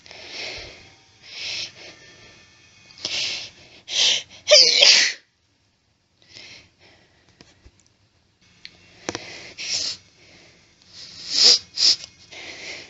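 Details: Woman who went without her allergy medication, with an itchy nose, attempting to hold back sneezes: a run of loud, hissing sneezes with stifled, held-back bursts, hitching and short pauses between them, with occasional background saw noise; sneezing fit.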